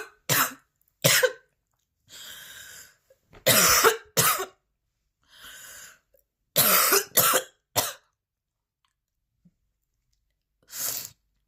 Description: The video captures the full session with numerous intense coughing fits, heavy breathing, and the sounds of a persistent cough.